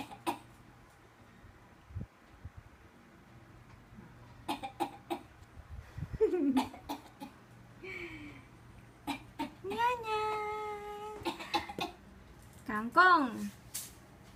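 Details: A child gives short, dry, forced cough bursts between drawn-out voiced sounds: a deliberately faked, voluntary cough.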